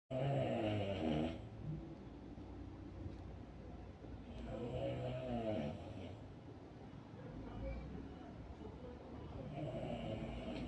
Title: what causes snoring 🤢#snoring #snoringsounds #snoringtreatment